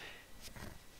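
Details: Brief snort-like vocal tic in a man with Tourette syndrome, who says his Tourette's is intense that night.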